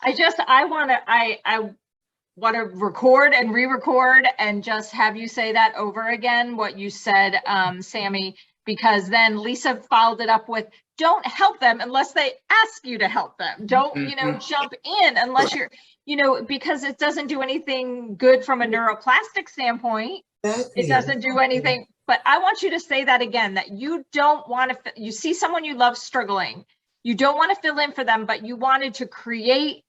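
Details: Adult woman speaking; normal speech.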